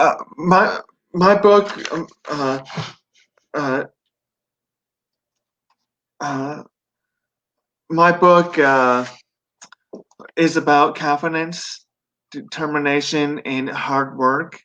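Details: 42-year-old man who had a stroke at 17 from an artery branch rupture during benign brain tumor surgery, causing global aphasia and right-sided paralysis; about 25 years later, after relearning speech, he has residual aphasia.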